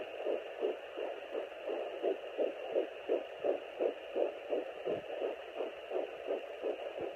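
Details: Fetal heartbeat at 9 weeks 7 days of pregnancy on a Sonoline B home fetal Doppler: rapid, regular whooshing pulses about 165 beats a minute.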